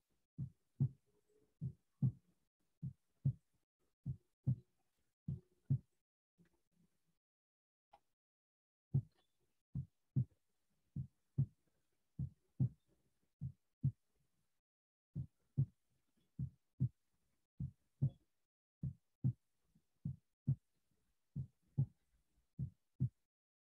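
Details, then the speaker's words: Veterinary physiology teaching recording of normal heart sounds: regular paired low thumps, the first sound (S1) slightly longer, the second (S2) shorter and drier. "vocês vão perceber que primeiro ele é levemente mais alongado em relação ao segundo e o segundo é um pouco mais seco"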